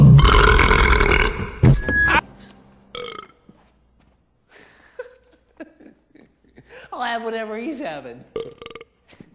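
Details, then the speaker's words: Burping scenes from movies: a long, loud, rumbling burp after mention of drinking about 15 Dr. Peppers, then short talk and a second drawn-out belch; burping. "I must have drank me about 15 Dr. Peppers. Hang on, I got a burp snort coming."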